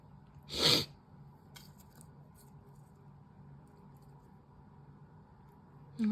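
A single short, sharp expulsive burst from a cat, then a quiet room; a brief cough that sounds much like a sneeze.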